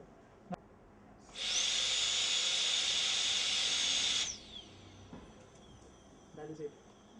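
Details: PFM (porcelain-fused-to-metal) crown preparation: a steady high-pitched dental drill whine for about three seconds that then winds down as the tooth is prepared for the crown.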